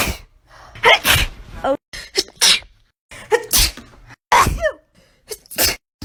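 A rapid run of loud, explosive sneezes, each with a sharp intake before the burst; ordinary sneezing.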